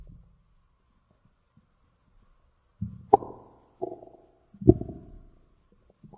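A few gurgling, rumbling bursts separated by quiet, typical of stomach growling from gas and fluid moving through the gut.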